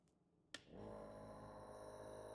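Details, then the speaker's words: Click of the green power button, then steady low motor hum from a prescription compressor nebulizer starting and running during a use demonstration, with medication in the cup. "And we ensure that to start using we turn on the nebulizer by pressing the green button at the back of the panda."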